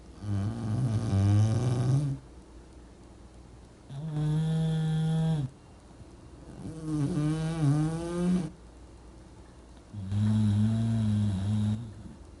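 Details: English bulldogs sleeping and snoring: four loud, buzzing, rattly snores about every three seconds, with quiet gaps between them.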